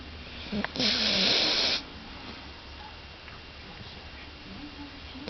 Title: snoring.AVI